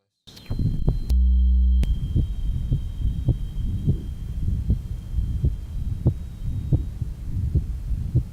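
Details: 1955 Johns Hopkins heart sound laboratory stethoscope recording, rheumatic heart disease: heartbeats about 85 a minute with rumbling murmur of combined mitral stenosis and mitral insufficiency (regurgitation).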